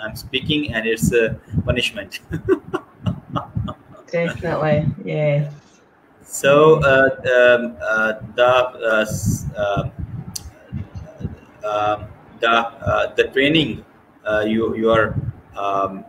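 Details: Adult woman who stutters (stammers) and serves as a trustee of a Scottish stammering support network; stuttering.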